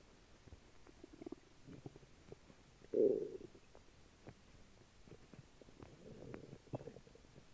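Soft gurgling and churning bowel sounds with one louder rumble; active borborygmi from a mildly upset stomach.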